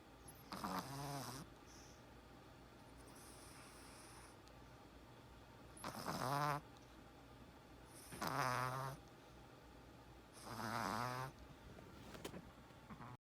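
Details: Small Chihuahua dog snoring while sleeping with eyes open: four buzzy, tonal snores, one every two to three seconds, against quiet room hiss.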